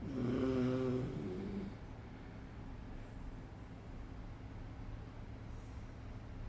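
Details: Snoring from either a dog or a human: a single buzzing snore at the start, then quiet room hiss.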